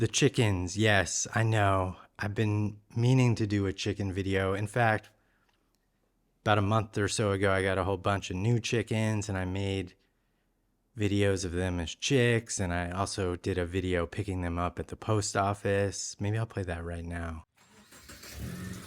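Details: Adult male speaker; normal speech.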